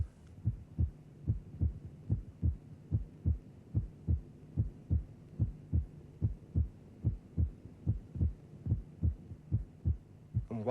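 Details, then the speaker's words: Simulated regular heartbeat at about 73 per minute showing physiological splitting of the second heart sound. The split widens at the end of inspiration. This is a normal finding. "For example, while each of the two elements of the second sound may be recognizable, they may not be completely separated. There might simply be a dip in the loudness between the peaks."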